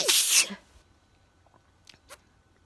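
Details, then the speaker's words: One sharp, explosive, hissing sneeze from an adult indoors, then a few faint sounds in a quiet room: sneezing. "i was going to talk to sneeze and i was like i was like trying to be really quick to get to my phone"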